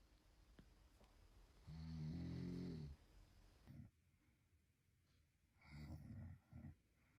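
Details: Loud, low, rattling snore then quieter snorting breaths in a quiet room, scaring a baby; ordinary snoring.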